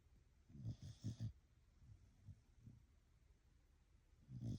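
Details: Sleeping Blue Heeler dog at bedtime snoring: low, soft snuffling snores, a short run of grunting breaths, another starting at the end.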